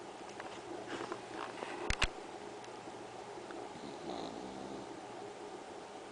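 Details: Sleeping pug snoring: soft, rumbling, snorty breathing with a couple of brief sharp clicks partway through.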